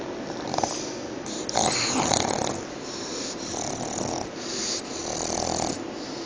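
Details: Sleeping pug snoring: loud, rough, fluttering snores repeating with each breath over steady room noise; noisy breathing typical of flat-faced breeds.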